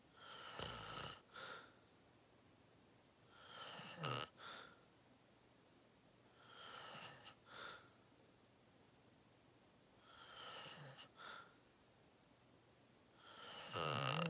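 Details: Loud, deep snoring during a long nap: rough, rattling breath sounds recurring about every three to four seconds, with a snort at the end of some breaths.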